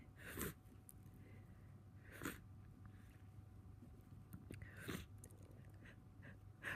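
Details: Person with a cold, tickly nose and congestion: a massive sneeze, with three sharp explosive sneeze bursts and quieter breathing between them, then more sneezing, recorded in a small room.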